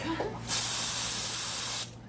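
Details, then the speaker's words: Cold spray hiss, steady for just over a second, numbing the skin over the big toe joint of a young man previously diagnosed with gout before an 18-gauge needle is inserted; white gouty crystals and possible pus were then found. "What I'm gonna do is I'm gonna spray some cold spray, and then I'm gonna push, and I'm gonna go in right there."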